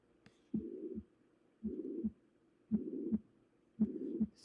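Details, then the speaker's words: Slow regular heartbeat with a harsh swishing murmur filling the whole of systole between S1 and S2, a holosystolic murmur, teaching demonstration in a heart and lung exam introduction. "this is Swiss dub swish dub swish dub swish dub swish dub and that's a holosystolic murmur meaning it's all throughout syy"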